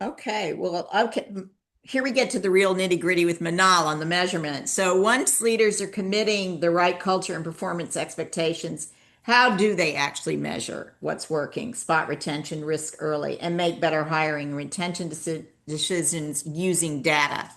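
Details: Adult speaker; ordinary speech.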